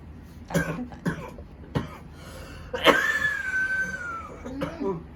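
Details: An adult with a cough lasting a month coughs in short bursts, then gives a strained vocal groan; the patient also reports lung problems, constipation and low back pain.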